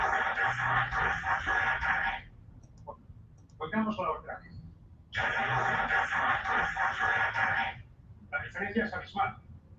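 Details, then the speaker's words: Simulation of how speech sounds through a cochlear implant: a simple phrase spoken by a Danish speaker plays twice, buzzy and noise-like. "pero además como si eso fuera poco fíjense ustedes cómo suena el implante coclear esto es la información que proporcionaron se escucha en lo cierto se escucha bajito pero se escucha"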